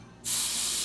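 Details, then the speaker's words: Vapocoolant spray on the bottom of the toe of a young woman with an infected ingrown toenail who had trouble getting numb, before further numbing injections for removal: a sudden, steady hissing spray burst. "Christine can you spray right there on that bottom right there I'm thinking about like hairspray"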